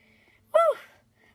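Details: One sudden, voiced gasp, a sharp sliding intake with a brief vocal tone, in a quiet room, within a comedic sneezing skit; gasping.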